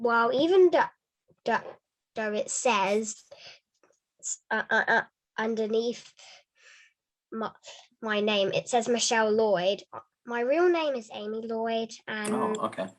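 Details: Girl; stuttering.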